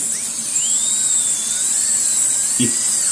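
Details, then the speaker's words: MP1 abutment on an implant analog compatible with a Zimmer 4.5 mm implant, demonstrated on a model: high, steady dental handpiece whine with slight pitch shifts as a carbide burr grinds the abutment to reduce width and change angulation. "So in this case, in the patient's mouth, I'll put the MP1 abutment and then I can grind it very easily with a carbide burr, and I will show you how I'll grind it."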